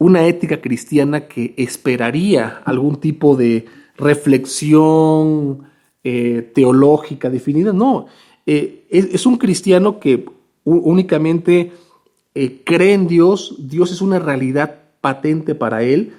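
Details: Stuttering with word repetitions in a male Spanish speaker who stutters.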